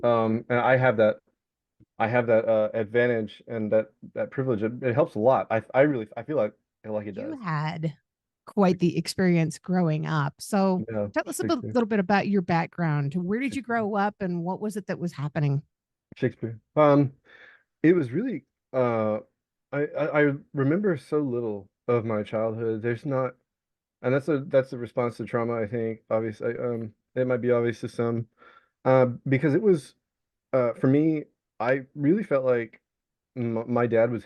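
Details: Vocal tic of Tourette syndrome in an adult man diagnosed with Tourette's; a tic word is repeated during his speech.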